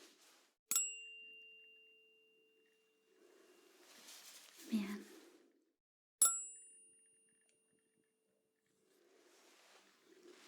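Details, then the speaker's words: Simulated ASMR roleplay hearing check: two sharp tuning-fork strikes, each with a clear high ringing tone slowly fading, soft whispering between, testing high tones and asking which ear hears them; tuning fork hearing test. "Bây giờ hãy kiểm tra phản ứng của bạn với âm thanh cao và thấp, được chứ? Trước tiên, tôi sẽ sử dụng âm thoa của mình để kiểm tra các âm cao."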